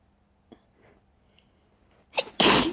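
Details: Person trying to sneeze quietly: a quick inward catch of breath, then a loud, explosive sneeze after a quiet lead-in.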